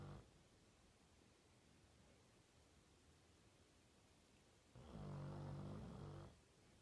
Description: Snoring like a proper slob - my 18 month old Labrador catching a few zzzz's